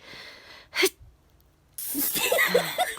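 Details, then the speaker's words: A quick in-breath, then a sharp sneeze burst with noisy sniffling and breath sounds, from an adult, described as a different sneeze; a single sneeze. "well that was a different sneeze i guess"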